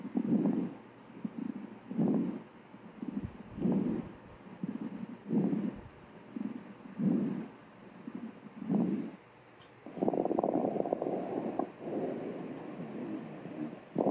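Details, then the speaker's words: Repeated breaths with crackling, bubbling noises, like water bubbling with secretions in the airway, typical of crackles; played in a lesson on adventitious breath sounds. "desde fijan suena como que estuvieran agua burbujeando con las acciones que hay en la vía aérea"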